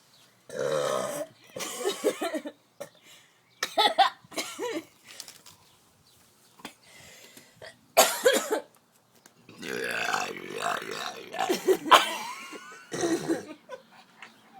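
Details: Several deep, drawn-out, throaty belches in bursts with pauses between them, amid laughter; presented as a game.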